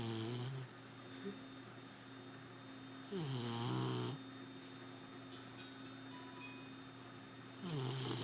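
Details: Rhythmic, rattling snores from a sleeper heard every night, three in about eight seconds (roughly 13 a minute), with quiet hiss between them; snoring.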